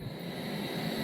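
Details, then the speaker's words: A CPAP machine running on a 20,000 mAh USB-C PD power bank set to 12 volts through a USB-C-to-barrel cable: steady whooshing airflow with a low motor hum. "Perfect. And there it is going."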